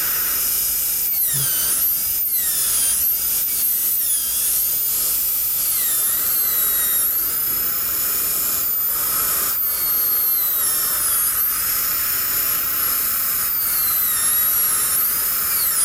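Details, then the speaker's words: Steady high-pitched dental drill whine dipping and recovering in pitch as a 170L carbide bur refines the lingual and cuts pinhole recesses, preparing a 3-unit anterior bridge on maxillary right cuspid and central incisor. "now we're going to take a 170 L carbide and refine our legislate lee and place some recesses where we're going to drill our pin holes open"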